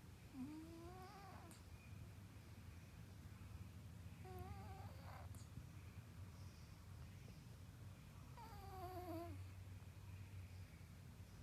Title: Does your Cat snore like this?